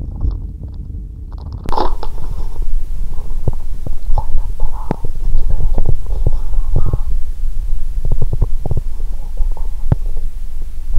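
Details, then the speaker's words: Low steady rumbling with frequent gurgles and soft clicks through a stethoscope on the abdomen of a hungry person fasting over 15 hours, as they start drinking cola: active bowel sounds. "When I started drinking cola, my stomach screamed loudly 😂"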